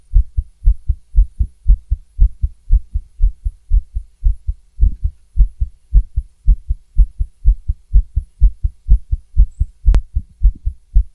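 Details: Female heartbeat recorded with a stethoscope: fast heartbeat with some skipped beats, tachycardia with irregular beats.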